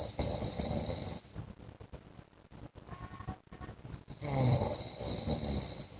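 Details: Adult man (husband) snoring in his sleep during a 15-minute recording: loud rattling snores with hissing, separated by quieter breathing pauses; snoring.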